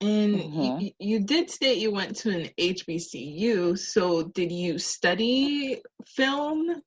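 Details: Adult woman speaking; normal speech.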